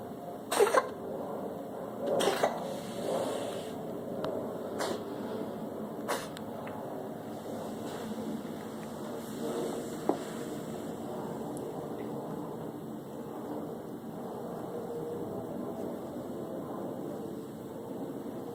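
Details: Cat giving a few short, sharp, harsh bursts consistent with brief coughing amid soft room noise; cough.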